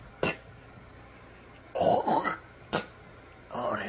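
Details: Imitated, not real: adult mimicking people hawking up thick greenish-yellow phlegm to spit; short rough throat-clearing bursts and a drawn-out rasping sound of phlegm being brought up.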